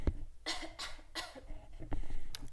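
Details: Three or four short, dry cough bursts in quick succession close to a microphone, from an adult podcast host who is slightly under the weather; a cough.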